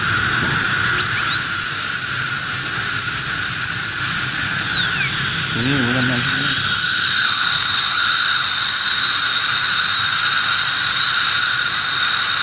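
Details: Steady high-pitched whine of a high-speed dental drill with shifting pitch as it cuts, during crown abutment preparation using a gingival protector; brief low room hum.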